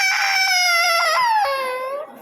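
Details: Baby girl at her first injection, with blood drawn: a loud, high-pitched sustained wail with falling pitch, a distressed pain cry.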